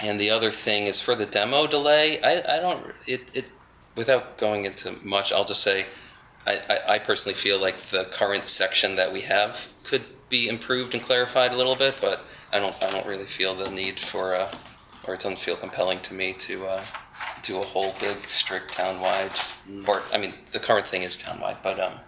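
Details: Adult man with spasmodic dysphonia, which he calls basically localized epilepsy; he links his voice problem to a fall off a cliff during an extreme skiing competition that left his throat 'gunked up'.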